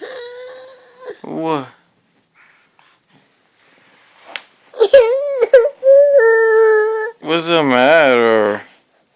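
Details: Sick baby; bursts of fussy, whimpering crying with wavering pitch, separated by pauses; an unsettled infant cry.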